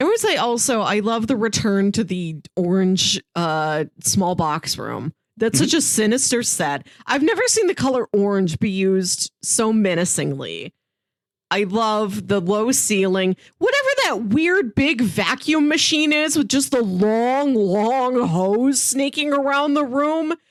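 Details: Adult woman speaking; normal speech.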